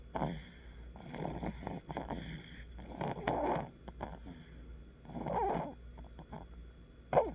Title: Fluttery Snore